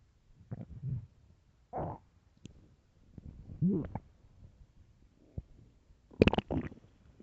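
Bursts of low gurgling growls and groans over several seconds; ordinary hunger stomach rumbling.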